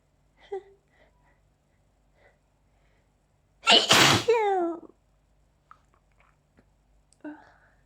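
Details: Allergy sneezing fit, person also reports an itchy mouth: a single loud, explosive sneeze with a drawn-out voiced tail among quiet breaths.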